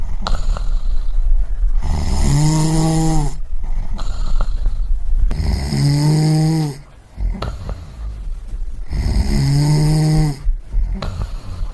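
Loud, rough, rattling snores on each in-breath, repeating every few seconds with noisy breathing between: snoring.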